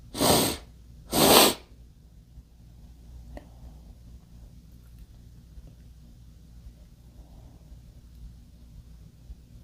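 Two loud, explosive sneezes in quick succession, then quiet room noise.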